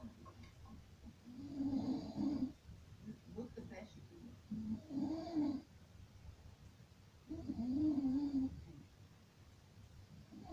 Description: Enjoy this horrible sound of Snoring at its finest.